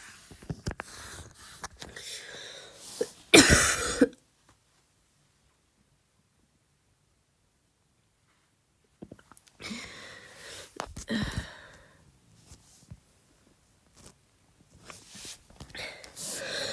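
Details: Deliberate, imitated barking cough in short bursts; the bark is not achieved and it comes out as ordinary dry coughing.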